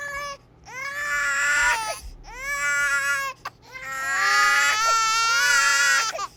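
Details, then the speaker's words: Three long, rising-and-falling wails with short breaths between them: an ordinary infant crying sound, played as one of a set of annoying sounds. "baby crying doesn't actually bother me I can deal with that what an actual baby crying is just a natural thing they can't help that"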